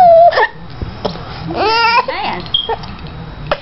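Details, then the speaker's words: 5-month-old infant with hiccups: short, abrupt catches in the voice amid babbling and playful cooing sounds. "Silly butt. You got too many things going on. The hiccups, the cries. The laughs."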